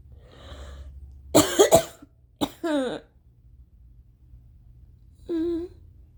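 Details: Violent, mostly uncovered coughs at 4:30 AM after a sleepless night, blamed on rain-triggered allergies, with gagging and near-vomiting: harsh forceful coughs in a quick cluster, then a gasp and strained throaty groans; coughing fit.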